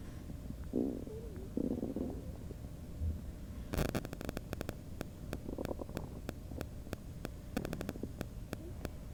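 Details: Person's requested stomach-noise recording ("bubble guts") with other noises in the background; borborygmi.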